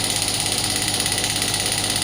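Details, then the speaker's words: Biotronix 12-bar pneumatic radial shockwave therapy machine firing as intensity is increased toward maximum, with continuous fast mechanical buzzing and hiss at high pressure; used for tendinitis and arthritis. "So now I will start the device. I need to click the same. I need to press that button. You can see I'm just increasing the intensity."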